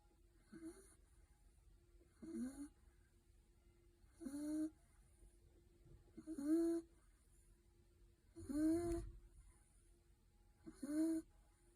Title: Pilbury snores